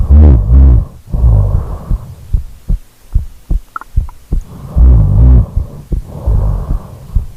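Loud, rough rattling breaths in repeated bursts with snorting, separated by quieter pauses: heavy snoring.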